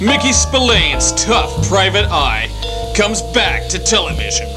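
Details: Adult male announcer; typical speech.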